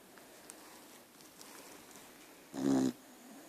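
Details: Snoring from a tired, sleeping dog: a quiet room, then one brief, low, fluttering rumble on a breath.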